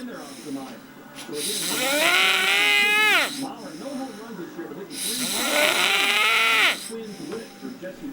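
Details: Adult man snoring while napping: loud, rattling snores with a rising whistle-like tone, about 17 a minute; snoring during sleep.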